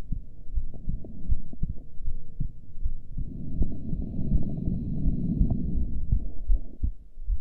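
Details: Normal heartbeat recorded during a breath hold with heart rate display: steady low thumps at about 80 a minute under a rumbling hum.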